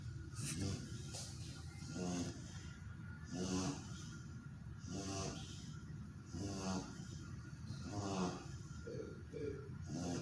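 Rhythmic rattling snores on each breath, about 10 a minute, from a sleeping dog; ordinary snoring during sleep.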